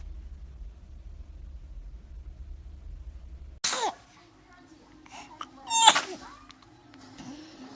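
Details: Baby sneezing: a small, abrupt infant sneeze, then a second short burst, with quiet room noise and faint music.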